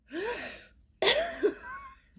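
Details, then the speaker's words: Two abrupt, voiced gulping sounds about a second apart, from a person who could not stop hiccuping; hiccups. "When I do it, as people like to say, my hiccups, my hiccups."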